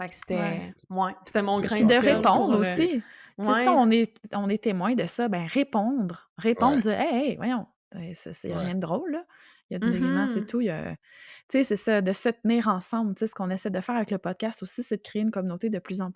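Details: Adult woman speaking French; normal speech.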